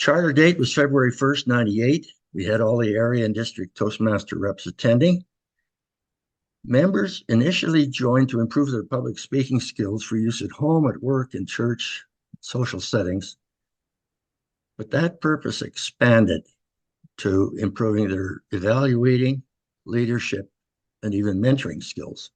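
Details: Adult male speaker; ordinary speech.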